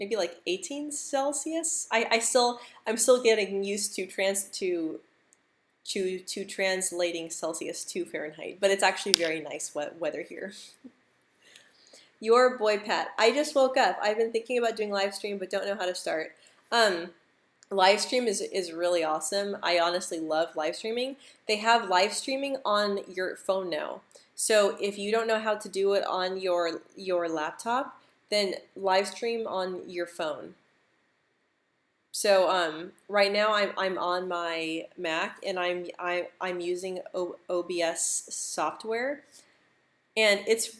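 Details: Adult woman who stutters, speaking during a live stream; stuttering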